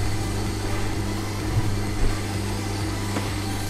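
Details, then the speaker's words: Electric medical suction machine being tested: steady low motor hum with faint rattling; the sound stops when pressed as the machine draws suction. "Ini ya, dia berbunyi nih. Nah, kalau ini kita tekan, nah hilang bunyinya karena dia menyedot."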